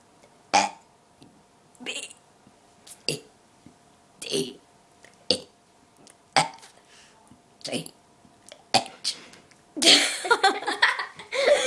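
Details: Friend deliberately burping the alphabet: about nine short voiced belches in a row, each shaped like a spoken letter, noise at the end; voluntary burping.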